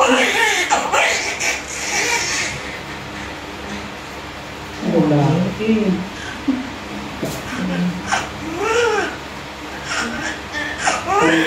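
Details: Bursts of high, wavering newborn crying among adult voices in a delivery room; the baby's first cries just after a normal vaginal delivery.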